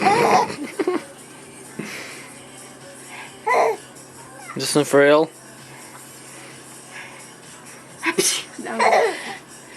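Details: Adult woman (a mother) sneezing a few sharp times, each followed by bursts of laughter from her infant daughter, with music in the background; ordinary sneezing.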